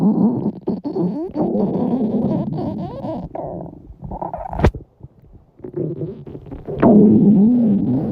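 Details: Hungry girls' stomachs growling loudly with a long rumble, borborygmi from hunger.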